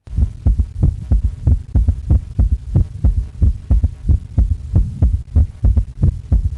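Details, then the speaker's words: S3 gallop, best heard at the cardiac apex with the patient lying on the left side: low heart sounds in a triple galloping rhythm, an early diastolic extra sound right after S2. "Тон S3 лучше всего слышно на верхушки сердца. А когда пациент лежит на левом боку, это ранний диастолический звук, возникает сразу после S2. Напоминает ритм голопа лошади, потому что получается как бы вот это сочетание S1, S2, S3 как тык, тык-дык, тык, тык-дык, тык-тык-дык."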